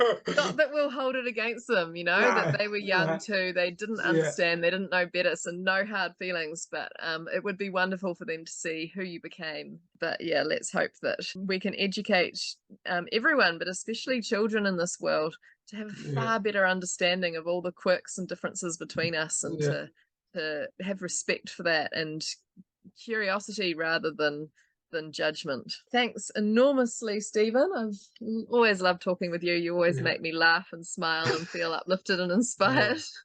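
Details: Adult speaker; typical speech.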